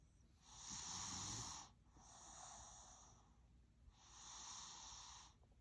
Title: THREE YEARS OLD SNORING LIKE AN OLD MAN #funny #baby #snoring